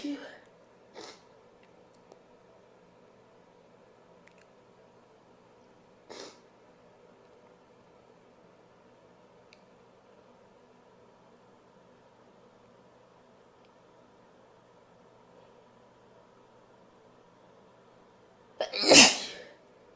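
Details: Powerful sneezing from a female: quiet room with a few faint sniffs and clicks, then one loud, forceful sneeze near the end.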